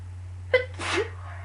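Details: Person who is sick: a single sneeze, with a quick inward catch, then a sharp explosive outward burst over low room hum.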